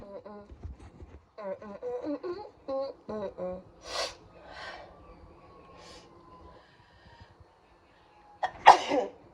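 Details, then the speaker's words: Person who has been sneezing all morning: short gasping, voiced breaths build up, then one forceful explosive sneeze. "It's gone, I think. I've been sneezing all morning."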